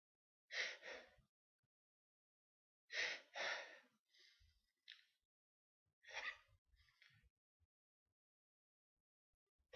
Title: Sneezes